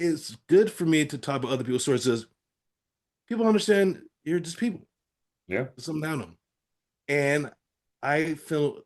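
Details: Adult man with aphasia following a stroke, real patient in recovery with therapy-app practice; aphasia.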